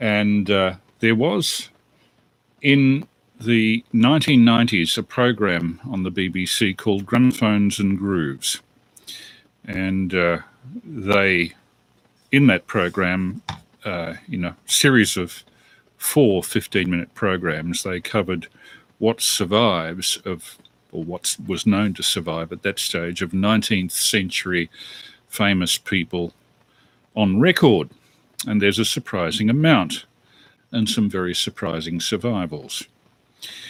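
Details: Adult male speaker; plain speech.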